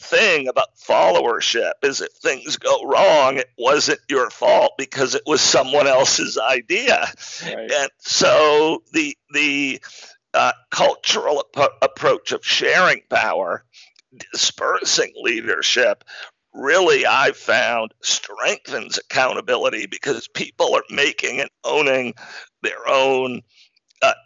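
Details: Man diagnosed in 2012 with spasmodic dysphonia, a rare neurological speaking disorder causing partial voice loss and communication difficulty, still audible; real speech showing spasmodic dysphonia.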